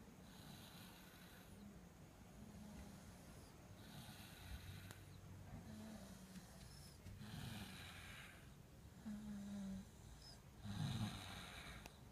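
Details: Snoring at night: rough, rattling snores on each breath, about every two seconds, some with snorting catches; snoring during sleep.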